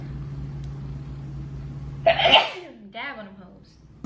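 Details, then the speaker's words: Sneeze from a person who says she has really bad allergies: a single wet, spraying sneeze after steady engine hum, followed by a brief voiced exclamation. "Oh well, but oh my gosh, I'm going to sneeze. That was a wet one. Slow motion sneeze."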